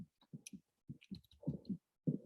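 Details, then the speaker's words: Infant heart murmur heard through a stethoscope in a neonatal teaching session: paired heartbeats with a soft rushing sound filling the gap between them. "so you listen over the period of time but also listening to the characteristic of the murmur so we can listen to that right quickly if it will play"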